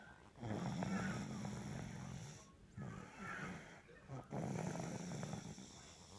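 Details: A tired, sleeping dog snores softly and steadily, with low rumbling breaths and brief pauses; harmless sleep snoring.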